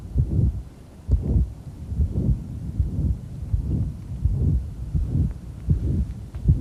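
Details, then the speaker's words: Pulmonary valve stenosis: loud, rough systolic murmur near 80 beats a minute; on expiration it starts with a pulmonary ejection sound ('pow'), which disappears on inspiration as the murmur groans into existence. "if you listen to the way the murmur begins and watch his ventilation when he's exhaled the murmurs gonna start with almost pow pow when he inhales the murmur just kind of groans into existence starts with a pal the PAL goes away so you really notice it by its absence"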